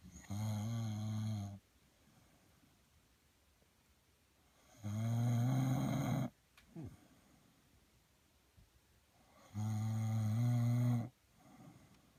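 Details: Three loud, low, rattling snores on breathing in, roughly every four to five seconds, with quiet pauses between; an adult husband's ordinary heavy snoring, recorded secretly while he slept.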